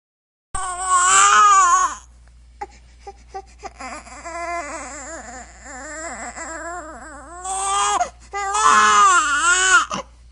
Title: Baby Crying May 22 Sound Effect